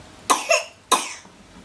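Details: A sick baby boy, up coughing and crying much of the night with a cough that returned after seeming gone, gives two short, loose, moist coughs: chesty cough.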